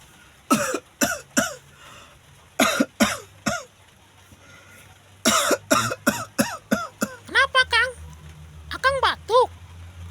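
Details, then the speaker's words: Adult gives repeated, acted dry coughs in clusters, complaining of itchy throat and coughing keeping them awake at night, ending with voiced groaning sounds; cough. "Iya, saya batuk. Aduh, gatal sekali."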